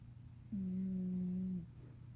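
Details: Black cat in deep sleep: a single steady, tonal, humming snoring breath of about one second rises above low room hum.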